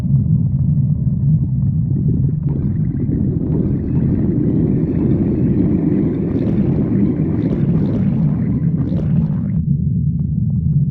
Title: stomach growling 14